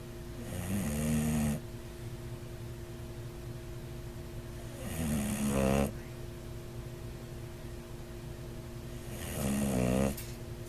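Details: Bulldog snoring: three loud, rattling snores with fluttering on inhalation, about 14 a minute, over a steady background hum; snoring that could be a sign of sleep apnea.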